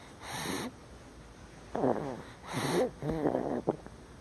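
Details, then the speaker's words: A boy snoring: two rough, rattling snores on slow breaths, with soft snorting sounds between them; snoring. "This is. He snores. Like his daddy."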